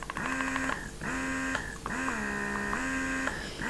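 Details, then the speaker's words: Rapid, rhythmic motor whirring cycles of a Pumpables Genie Advanced portable breast pump starting in stimulation mode at vacuum level 1 (adjustable to 10): breast pump stimulation mode. "Anyway, okay, so it starts out in stimulation mode, which is awesome. Vacuum level 1."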